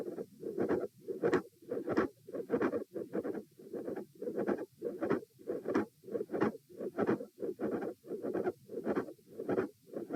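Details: Heart auscultation stress test at position A, with the patient lying, sitting, standing and then lying again: regular heart sounds at about 94 beats a minute with a mid-systolic click and a fixed split second sound.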